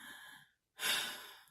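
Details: Woman with sleep apnea in a sleeve gastrectomy weight-loss surgery program demonstrating her CPAP mask while awake: hissy exhale, pause, then loud airy rush of breath through the mask; noisy breathing.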